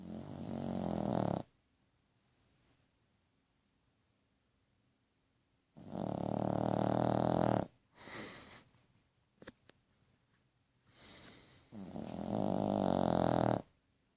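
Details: Dog (Twilium) snoring louder than a human; loud, harsh, rattling snores lasting one to two seconds, with long silent gaps between breaths. Snoring.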